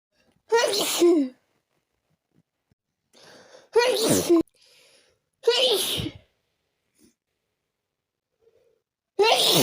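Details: Sneezing fit induced by chhinkni sneezing powder: four forceful sneezes in quick succession, each preceded by a sharp intake, with nose blowing.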